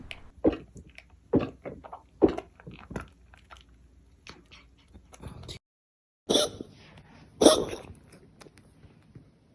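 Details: A cat's repeated short, harsh hacking bursts, then a pause and louder wet heaving; a cat coughing and then retching to vomit, two actions easily confused with bringing up a hairball.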